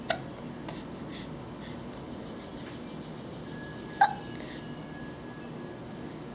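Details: Three-month-old baby boy with a case of the hiccups: two short, sharp hiccup bursts about four seconds apart in a quiet room; infant hiccups.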